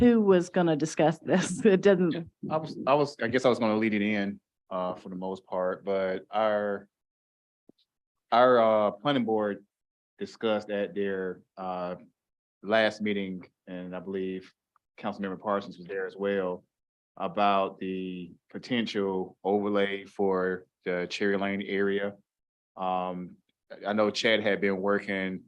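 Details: Adult speaker in a meeting room; ordinary conversational speech.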